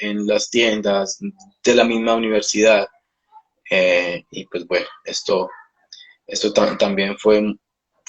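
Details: Adult male Spanish-speaking speech-language pathologist who stutters, speaking in a live interview; stuttering.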